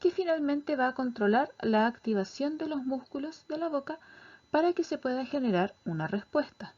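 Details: Adult woman speaking Spanish; normal speech.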